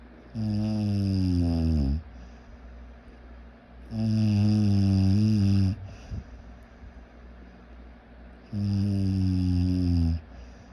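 Three loud, drawn-out rattling snores on the in-breath, about 14 a minute, with quiet breathing between them.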